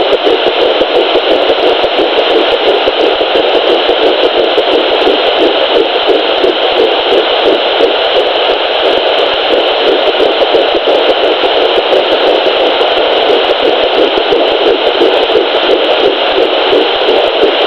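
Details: Fetal heartbeat at 8 weeks 3 days of pregnancy on a Sonoline B 3 MHz home fetal Doppler: fast, rhythmic whooshing pulses through static at about 176 beats a minute.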